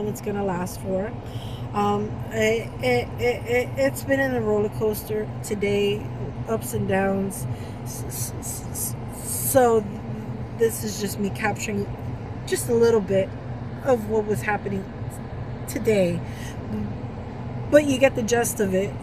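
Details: Woman with Tourette syndrome during a real tic attack that began while running errands; vocal tics with repeated words, interjections and swearing, and she reports trouble speaking; vocal tics (Tourette syndrome).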